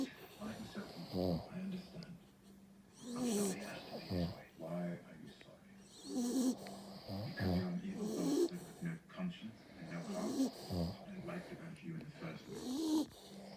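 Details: Soft, irregular snorting snores with wheezy, voiced breaths, partly overlapping, during sleep; the recording compares the snoring of an American Bully dog and a man: snoring.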